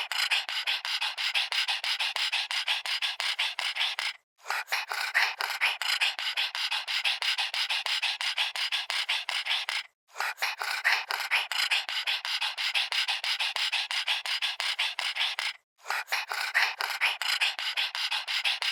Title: Little pug dog heavy breathing